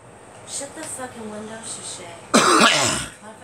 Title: Me coughing